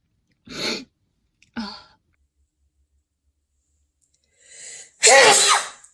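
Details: Woman sneezing during a COVID-19 nasal swab test, as the same swab is inserted into her second nostril: two short breathy bursts, a quick inward breath, then one loud sneeze.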